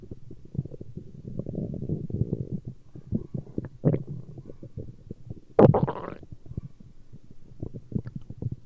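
Low gurgling and rumbling from the stomach, with crackly bubbling and one louder gurgle: ordinary stomach growling.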